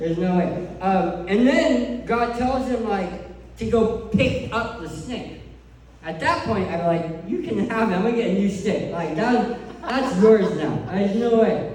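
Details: Adult male who lost 80% of his tongue to cancer, leaving a permanent speech impediment; speech impediment after partial glossectomy.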